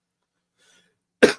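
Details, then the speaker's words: Cough from an adult livestream host whose voice is hoarse and raspy and whose face feels congested; he says "pardon me" afterward. "if you'll bear with me, voice is a little raspy, face is a little congested, but we're doing our best."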